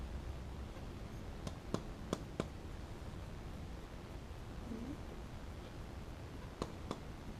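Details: Six brief finger-percussion taps over the back of a male volunteer in a paramedic student's respiratory exam OSCE, giving a normal resonant note over healthy lung.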